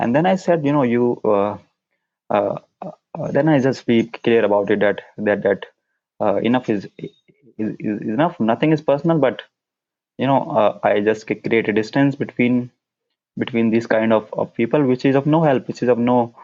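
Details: Adult man who stammers, with onset of stuttering at around nine years old; repetitions: stuttering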